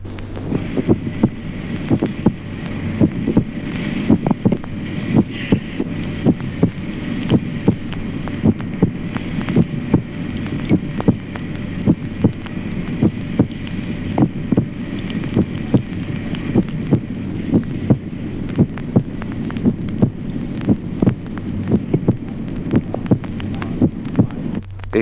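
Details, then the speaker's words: Normal adult heart sounds: steady paired beats over a low hum, with a dull first sound and a clear second sound. "Ejemplo primero, signos occultatorios normales en el adulto. Primer ruido, sordo. Segundo ruido."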